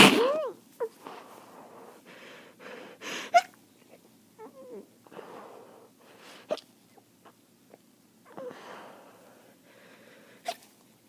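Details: Person with a head cold after a weekend at the lake: several sneezes, some wet and spraying, separated by sniffs and quiet breathing.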